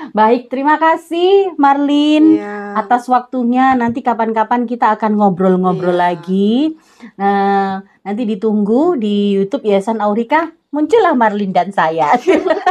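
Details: Adult woman speaking Indonesian; Normal speech.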